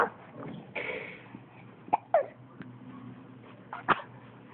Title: The hiccups :) Lol